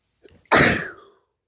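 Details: Quick indrawn breath, then one sharp explosive sneeze that fades off, one of 5 sneezes in 38 seconds.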